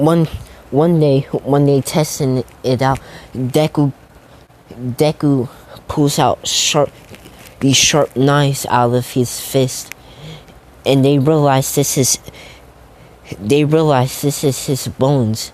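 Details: Stuttering, self-reported by a male narrator who says he stutters a lot, with repeated words and phrases while narrating a fan story.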